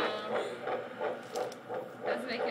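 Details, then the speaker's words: Doppler fetal heartbeat of a baby boy, heard for the first time: rapid, regular whooshing pulses around 170 beats a minute, stated as the 170s to 180s range, fast and normal. "oh my gosh nice huh it's really fast oh goodness it sounds great it's the 170s to 180s range so it's really fast and perfect"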